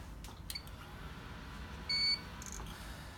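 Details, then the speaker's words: ECMO pump console alarm on start-up during circuit priming with saline, prompting clamp button press and RPM set to zero; training demonstration: single short high-pitched electronic beep over quiet room hum. "And the first thing that's going to happen is it's going to alarm, and it wants us to push this clamp button here."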